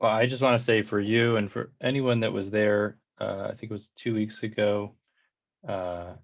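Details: Adult man who stutters; stuttering.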